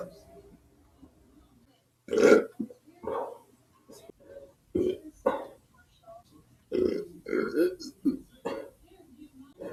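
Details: Person burping: a series of loud, throaty burps in a quiet room, one large belch followed by several shorter ones, then "excuse me."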